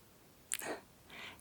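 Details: During an ASMR cardiovascular exam roleplay (simulated medical consultation): a single short, sharp sneeze, soft and close to the microphone, in a quiet room.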